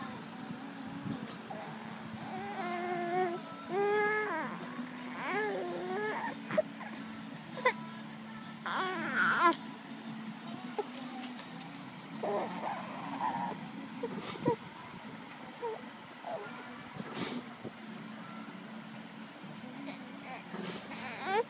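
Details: An infant with a cough and cold who is lethargic and crying easily gives short, weak, whiny cries and whimpers between quiet pauses; fussy crying while unwell.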